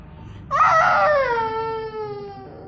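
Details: Young child crying after a fall with a bump on the head: one loud, drawn-out cry falling in pitch, a pain cry.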